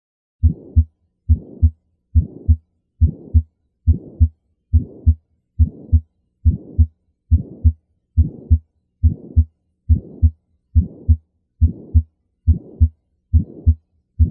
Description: The sound of pulmonic stenosis is often described as a harsh crescendo-decrescendo mid-systolic sound, often accompanied by a systolic ejection click.